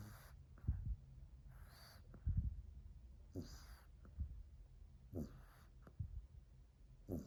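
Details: French bulldog sleeping under a chair, described as loud snoring: soft, low snorting snores with snuffly, wheezy breaths, roughly one breath cycle every two seconds, in a quiet room.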